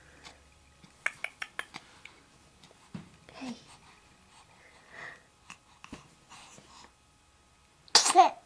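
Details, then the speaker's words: Sneezing, possibly from a child, just after a bath, with someone saying "bless you." "bless you. God bless you. Sneezing is funny."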